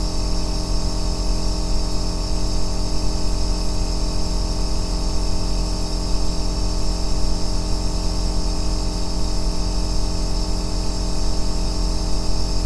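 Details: Aerosol nebulizer running: a loud, steady, deep humming drone with no pauses, offered as white noise for sleep.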